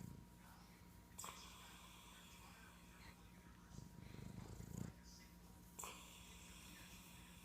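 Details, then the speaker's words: Boston terrier lying stretched out having his belly scratched, possibly awake: low, rumbling breathing with a few brief snorts amid room noise; snoring. "Oh, he likes his belly scratched. Are you snoring while you're awake?"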